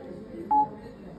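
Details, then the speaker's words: Single short electronic beep over low room noise as a Getinge Servo C ventilator is switched to standby before powering off. "त्यामुळे ventilator नेहमी stand bye वरती टाकायचं इथे stand bye button आहे"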